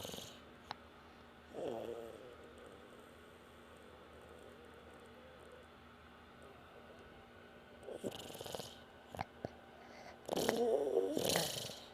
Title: Baby Snoring